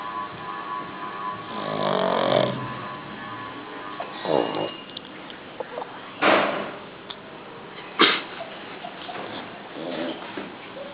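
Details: Young pug taking an afternoon nap: loud, rough snoring breaths, several irregular cycles with snorting bursts on the in-breaths; snoring.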